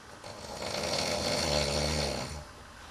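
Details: Adult housemate snoring at night during sleep: a single long, rattling snore that swells and fades over about two seconds, on the in-breath.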